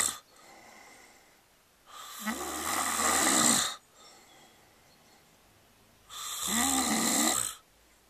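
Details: Two loud, rough, rattling snores on the in-breath, separated by quiet breathing, roughly 16 breaths a minute; ordinary snoring.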